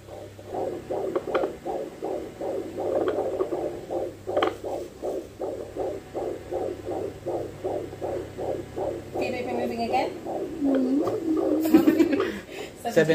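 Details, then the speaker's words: Doppler in pregnancy: rapid rhythmic whooshing fetal heartbeat at about 150 beats a minute with really good variability, heard with placental flow, then movement noise as the baby moves; normal fetal heartbeat. "so you can hear the placenta and the Baby heart I'm move over This side to Just get the baby Hearty"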